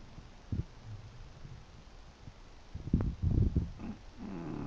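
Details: English bulldog snoring in sleep: low snorting, rattling breath noises growing louder toward the end; noisy snoring typical of flat-faced dogs.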